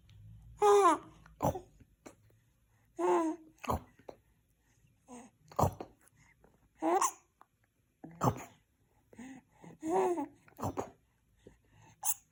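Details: Hiccups in a 4-month-old baby, coming about every one to two seconds, each a sharp catch often with a small voiced squeak.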